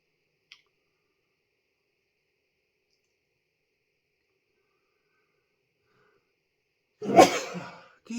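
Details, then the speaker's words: Sneeze from an adult during a spicy freeze-dried ice cream bar challenge, blamed on pepper dust going up the nose; ongoing cough. Mostly silence, then one brief, forceful sneeze-like burst. "I had this the last time as well Jesus if feel coming again how last can R up my noise the dust call you to sneeze all the time"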